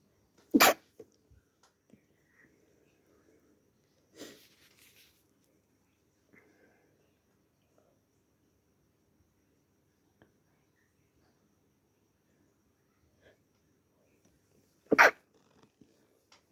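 Two loud, sharp sneezes separated by quiet, with a softer snort between; ordinary sneezing.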